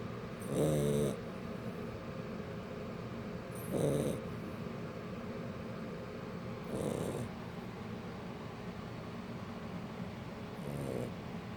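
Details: Sleeping Shar Pei puppy: four low, rumbling snores about three seconds apart (about 19 a minute) over steady background hiss; ordinary snoring.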